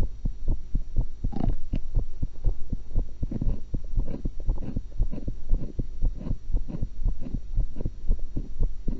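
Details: Own heart recorded through a single stethoscope while eating, after one apple and one cucumber: regular low heartbeat thumps at about 60 per minute with steady hum and some rubbing noise; normal heart sounds.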